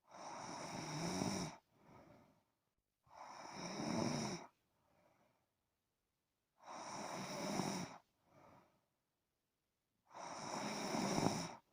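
Loud, rough snores on each breath in, with softer breaths out, about 17 breaths a minute; ordinary snoring.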